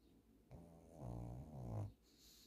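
A single loud, low rumbling snore on the in-breath from a sleeping dog; snoring.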